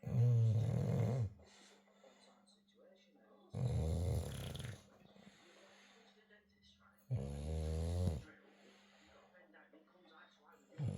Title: Snoring Olde Tyme Bulldog....this is quiet believe it or not lol! #funnydogs #bulldog